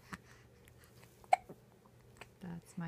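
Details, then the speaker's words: Infant boy hiccuping in short, sharp, jerky bursts while lying on a pillow after spitting up and pooping, with soft adult talk asking if he has the hiccups nearby; hiccups. "do you have the hiccups"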